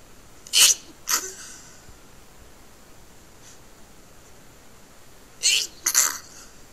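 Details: Two pairs of strong stifled sneezes: short, hissing, muffled bursts held back rather than fully released, with quiet in between.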